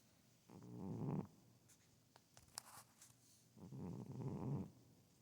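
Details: Female cat snoring loudly while asleep: two slow, low, rumbling breath sounds a few seconds apart, with faint clicks between them.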